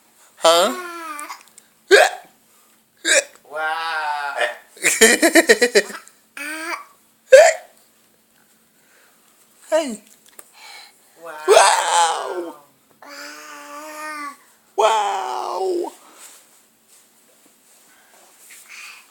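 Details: A young child babbling with repeated abrupt, sharp hiccup sounds breaking into laughter-like vocal bursts: hiccups.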